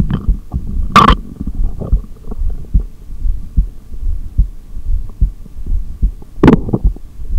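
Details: Heartbeat through a stethoscope during a long breath-hold, either exhaled or inhaled, in a single-take recording: regular low thumps at about 73 per minute, with two brief scrapes from stethoscope movement.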